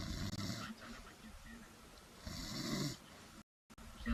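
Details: Person snoring in sleep: low, rough, rattling breaths with a couple of louder rumbling bursts.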